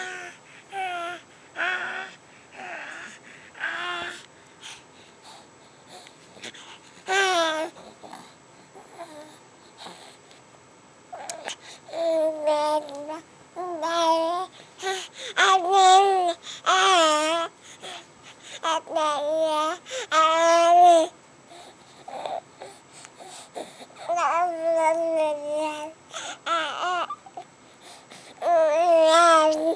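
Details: Baby recovering from bilateral vocal cord paralysis/dysfunction, vocal cord nerves recovering without medication, now starting to vocalize and talk; infant vocalization after bilateral vocal cord paralysis.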